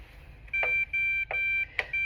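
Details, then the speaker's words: CADD PCA infusion pump being set up for a new patient: side button pressed, three bright, high electronic beeps with small clicks between them as the pump powers on. "And to turn the pump on, we're going to push the side button. Wait for it to turn on here."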